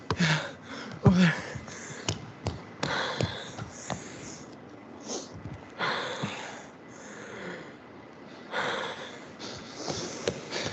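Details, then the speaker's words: Acted asthma attack demonstration in first aid training: noisy, labored gasping breaths with snorts and sniffs, person asking for inhaler; difficulty breathing from narrowed airways, simulated asthma attack breathing. "here's an example of what an asthma attack can look like you all right man my inhaler you got your inhaler"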